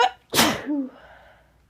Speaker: Oh man. I still have to sneeze. How is that even possible?